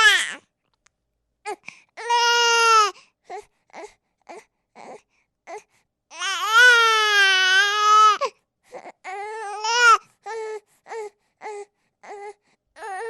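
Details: Baby sound sample: repeated high-pitched wailing cries with short whimpers and catches of breath between; ordinary infant crying.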